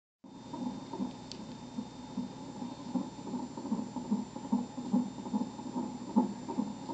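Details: Rapid, regular swishing fetal heartbeat on Doppler at 26-27 weeks of pregnancy, about 150 beats a minute.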